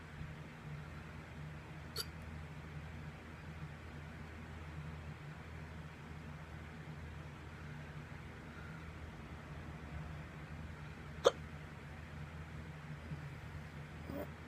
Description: For some reason the past year now if I get up too fast I get hiccups lol weird.